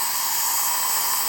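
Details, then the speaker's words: Steady high-pitched high-speed dental drill whine during a crown preparation, rounding off sharp edges on the occlusal, lingual and buccal surfaces after margin placement with a fine flame diamond bur. "and now I'm going to round off the little edges on the occlusal lingual"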